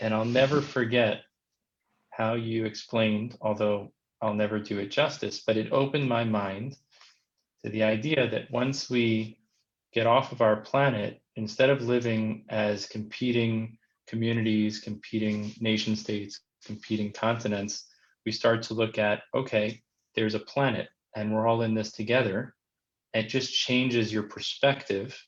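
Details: Adult man speaking; Normal fluent adult speech.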